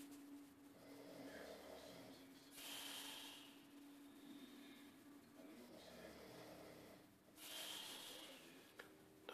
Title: Dubba snoring..